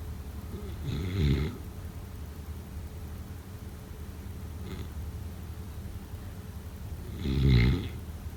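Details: Snoring during sleep, offered as a sleep sound effect: two low, rattling snores about six seconds apart, with a faint breath between, over a steady room hum.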